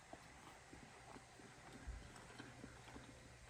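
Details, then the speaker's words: Adult woman with self-described severe temporomandibular joint disorder (TMJ), untreated surgically, eating breakfast French toast; sharp, soft jaw clicks recur irregularly during chewing over quiet room noise; jaw clicking from TMJ disorder. "i'm sorry that's not my teeth that's my jaw that's literally clicking back and forth can't do anything about it so sorry if my jaw's clicking and it annoys you"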